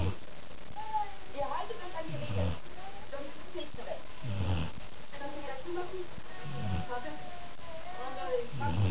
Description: Unser Hund schnarcht